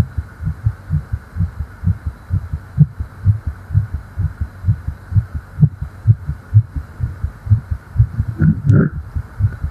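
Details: Quick, steady low heartbeat thumps over a faint hum with a brief rustle, from a female chest, presented as a roleplay of a tired fairy after flying; fast but normal heartbeat.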